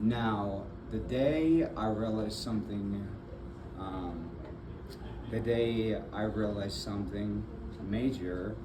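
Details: Adult man with aphasia and apraxia of speech after a February 2024 stroke, initially nonverbal with right arm and leg affected, followed by several further strokes; still in speech therapy; aphasia with apraxia of speech.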